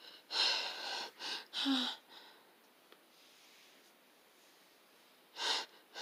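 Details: Sneezing attack: a burst of several sharp, hissing nasal blasts in quick succession, then a pause and another; a sneezing fit.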